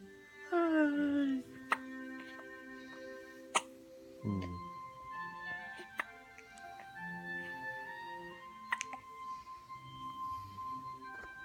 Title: has the hiccups